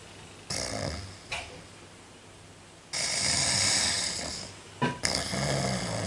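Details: Loud, harsh, hissing snores in uneven bursts with a short snort between them, against steady room noise; snoring.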